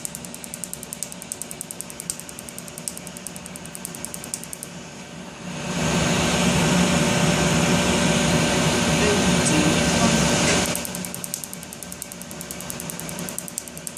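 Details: Rapid regular ticking of laser tattoo removal pulses, about four a second, on the inner arm during the 4th of an estimated up to 12 sessions, interrupted midway by a loud steady hiss of cooling air.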